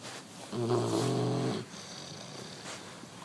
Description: Our new French Mastiff / Dogue de Bordeaux puppy is just 11 weeks old and he's so adorable. He snores like a human. :)